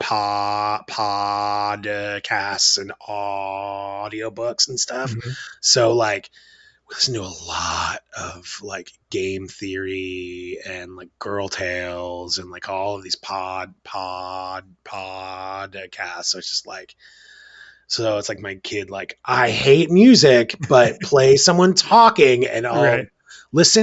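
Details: Adult male father who describes himself as having a stutter and speech issues; word and part-word repetitions heard; stuttering.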